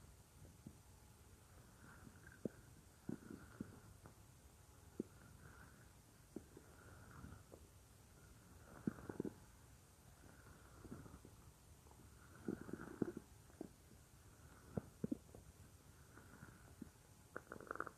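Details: Real stomach growling of a female creator, recorded as roleplay audio of lying on her stomach: soft, irregular belly gurgles, squeaks and pops over a quiet background, ordinary bowel sounds.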